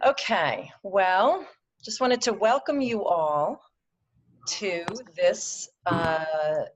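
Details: Adult woman who stutters, presenting in a webinar; her stutter comes and goes, with good and bad speech days; stuttering.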